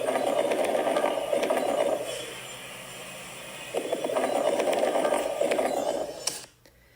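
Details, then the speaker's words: Teaching example of high-pitched crackles, described as air moving through mucus-filled airways, as in pulmonary edema, asthma and heart failure. Many brief crackling pops sound over two breaths: crackles (rales). "This is high-pitch sounds and it's the air trying to move in the avei and it's trying to overcome that air because it's filled with mucus or it's surrounded by a lot of mucus. So this is what crackles sound"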